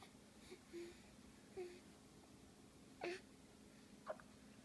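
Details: Four faint, brief catches roughly a second apart over a steady background hum; hiccups.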